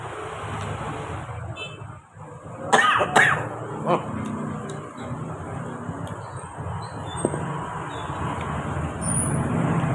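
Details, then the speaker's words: Two sharp coughs in quick succession and a weaker third from a man eating very spicy food, over steady traffic noise; brief irritant cough. "Wah, saya pedasnya guys, nggak kuat sampai batuk-batuk saya."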